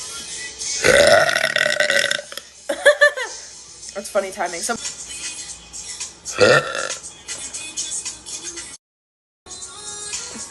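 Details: Girl burping on a live stream: several loud voiced belches with brief talk and background music.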